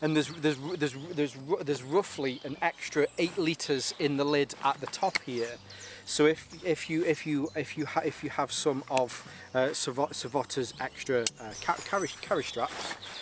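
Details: Adult male with a stammer he links to his anxiety, still present a little and worse on the first day of filming; part-word and whole-word repetitions; stuttering.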